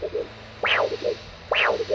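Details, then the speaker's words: Handheld Doppler over the brachial artery with blood pressure cuff on the arm, during an ankle brachial index: rhythmic whooshing pulses, a clear normal arterial signal about 68 a minute. "you can clearly hear the brachial AR signal so now what we want to do is we want to inflate the blood pressure cuff to eliminate the signal"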